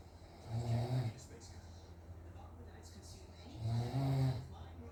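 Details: Adult father snoring during sleep, recorded by family because he doubted he snores: two low, rattling inspiratory snores about three seconds apart with quiet breathing between, over faint room hum.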